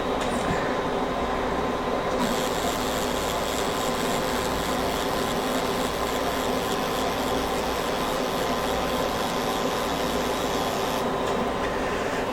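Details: Ellman Cortex CO2 fractional laser firing during skin resurfacing on a sedated patient wearing stainless steel corneal eye shields: a steady loud rasping hiss over a constant mechanical hum, with a bright hiss band starting and stopping as treatment patches are laid down.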